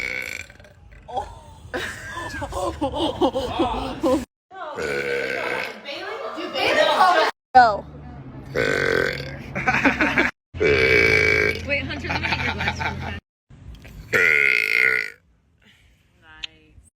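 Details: Compilation of burps: a run of separate voiced belches, some long and rumbling, with short pauses between them.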